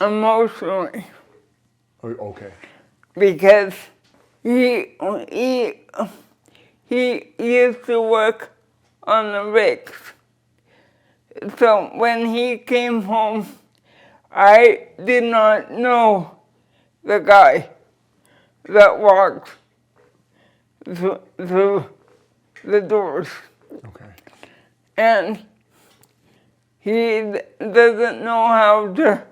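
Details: Dysarthria from cerebral palsy present since birth in a 46-year-old woman who uses a wheelchair.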